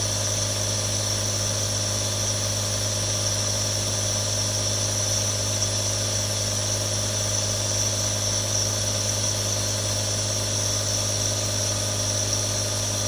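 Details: Real sound of a nebulizer running: steady unbroken mechanical hum and hiss, no breaks or pitch changes.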